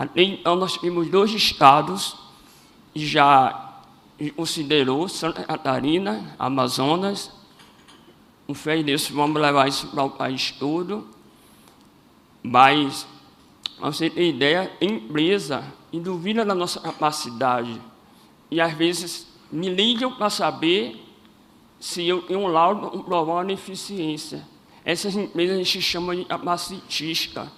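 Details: Adult man with congenital cleft lip and palate, first surgery at age 5 and second around 18, voice not fully rehabilitated; cleft lip and palate speech.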